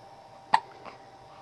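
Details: Hiccups in a baby girl about one week old: a single sharp, brief hiccup, then a fainter follow-on sound, in a quiet room.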